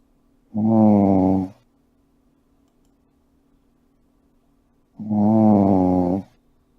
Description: Relaxation Snores brought to you.